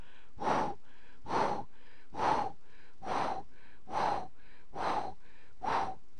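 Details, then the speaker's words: Regular blowing pansystolic (holosystolic) murmur at about 68 beats a minute that obscures the first and nearly the second heart sound, typical of severe mitral regurgitation. "produce un soplo pansistólico o olo sistólico Borra el primer y casi Borra el segundo ruido cardíaco"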